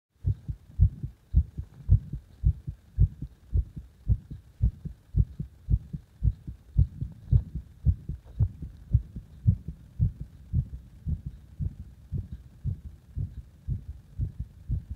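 Regular, strong, thumping heartbeat with a steady rhythm and a soft hum underneath.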